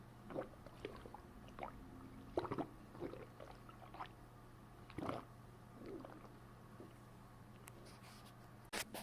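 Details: Adult's abdomen pressed down with a fist after a bowel movement: irregular squelching, bubbling gurgles, typical bowel sounds (borborygmi).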